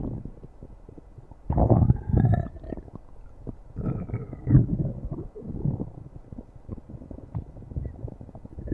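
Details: Low, gurgling rumbles with a few rising squeaky tones rise and fade over several seconds: ordinary stomach growling (borborygmi) from gas and fluid moving through the gut.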